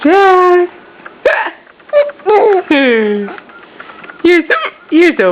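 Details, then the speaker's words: Baby boy with hiccups alongside his parent, also hiccuping: infant coos and squeals, including his first real giggle, cut by several abrupt, sharp catches in the voice. "We both got the hiccups? Oh, you got gas."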